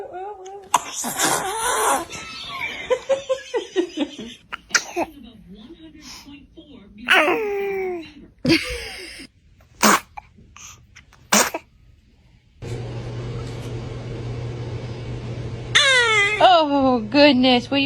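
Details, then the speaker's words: Baby sneezing: several short, sharp bursts of air, each followed by laughter and adults saying bless you, with crying near the end. "you about to sneeze? >> Bless you. Bless you."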